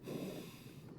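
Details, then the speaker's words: Simulated patient: a human-patient simulator manikin breathing, heard by stethoscope on the chest, with soft, low whooshing airflow consistent with normal breath sounds. "can I pull that in your gown to listen to your breath sounds5 okay excellent so we interact with the mannequins as if they're real human beings"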